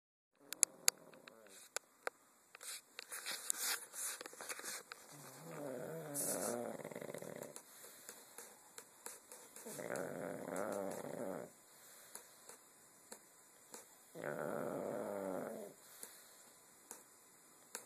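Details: Annie, a dog, snoring: three rumbling, fluttering snores about four seconds apart in a quiet room, with a few soft clicks.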